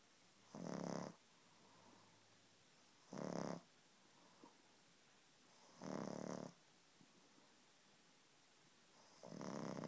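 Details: 6-month-old pug snoring, said to sound like a person: steady snoring in a quiet room, about one snore every 2.8 seconds, roughly 21 a minute.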